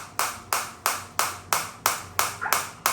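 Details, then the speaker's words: Biotronix focused shockwave device demonstrated; intensity increased while frequency automatically decreases: sharp, evenly spaced snapping pulses, about three a second, from the focused shockwave applicator firing. "As soon as I [applause] increase the intensity, the frequency will get decreased because they are adjusting according to the uh patient."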